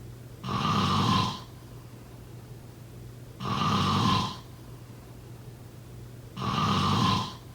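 Three loud, harsh snores about three seconds apart, roughly 20 a minute, with quiet breathing between them; ordinary sleep snoring.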